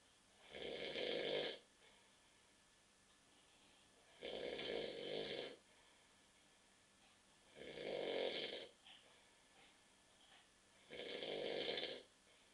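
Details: Adult man snoring asleep on a sofa after drinking many beers: loud, rough snores on each in-breath, about four in twelve seconds, with quiet pauses between.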